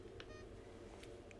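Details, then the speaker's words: Home pulse oximeter for a child's cardiology oximetry recording alarming on poor signal or a disconnected sensor: short electronic beeps over low room hum. "If there is an issue with signal quality, an error message will be displayed on the front of the monitor and the monitor will alarm to alert you of this. An alarm will also sound if the sensor becomes disconnected."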